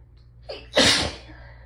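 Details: Hay fever sneeze in someone who had felt it building all day, nose raw from rubbing: a short catching breath, then one forceful, explosive sneeze in a quiet room.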